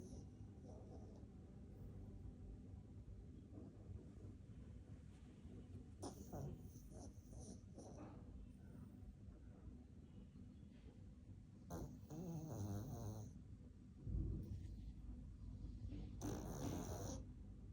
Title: Our frankee snoring 💤 #doglife #dogs #youtubeshorts #viral #trending #love #bengaluru #animals